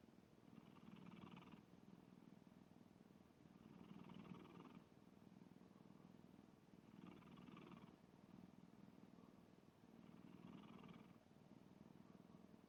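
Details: Sleeping black cat snoring: soft, rhythmic, purring snore rising and falling about every three seconds, roughly 20 breaths a minute.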